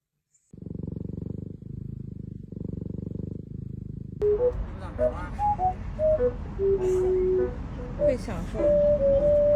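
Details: A sleeping cat snores with two buzzing, rumbling breaths, then music and voices cover the sound.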